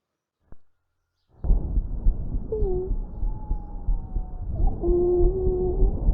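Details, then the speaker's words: Teaching example of a patient breathing out with musical, whistling tones over breath noise, an expiratory wheeze from narrowed airways, as often heard in asthma. "bueno lo escucharon está bien claritos el silbido eso decidí lancia generalmente suele pasar a veces en las personas con asma"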